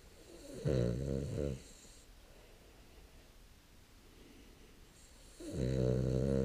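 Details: Sleeping dog snoring: two long, deep, rattling snores on the in-breath with a quiet pause between.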